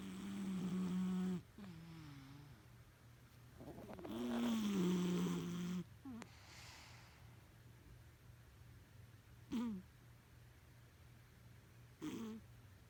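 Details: Loud, rough snoring from a sleeping cat: long rattling breaths separated by shorter snorts, irregular, roughly fifteen a minute.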